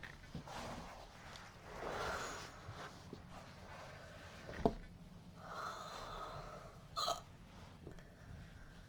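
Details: Burping turning into uncontrollable hiccups: a few soft, sudden gulping catches in a noisy room, roughly two dozen per minute.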